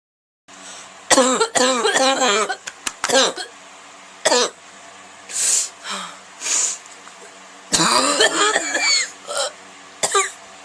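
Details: Harsh, voiced cough bursts in clusters with a hoarse, barking quality and breathy gasps between them; a horrible barking cough.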